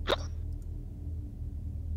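A single sharp, abrupt hiccup at the start, then low background hum and faint game sounds; an ordinary hiccup.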